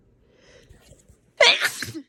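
Quiet breathing, then one forceful wet sneeze.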